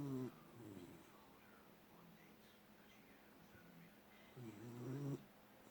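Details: Snoring from a sleeping Beagle, Hendrick, aged 1 year 9 months: two brief nasal, whistling snorts about four seconds apart with quiet breathing between.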